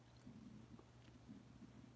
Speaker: That's my stomach growling like crazy.